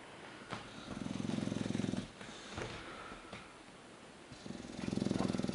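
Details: English bulldog sleeping on his back on a couch indoors as a cat curls up beside him: two loud, rattling, low-pitched snores about four seconds apart with quieter breathing between; snoring.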